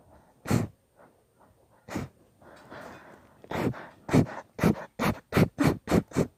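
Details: Long induced sneezing fit: short sharp sneezes, a few slow then about nine rapid ones in a row with breathy build-ups.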